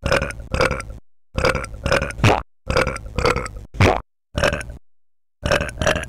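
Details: Burping track from an experimental ambient music project: a run of loud, deep, rumbling belches in quick bursts with short pauses between.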